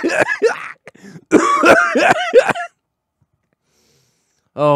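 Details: Adult man coughing for two hours after a piece of cheeseburger went down the wrong windpipe; rapid run of about six harsh, partly voiced coughs, then a pause before talking resumes.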